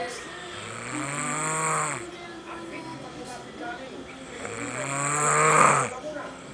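Two long, loud, rattling snores on the in-breath with quieter breathing between them: ordinary snoring.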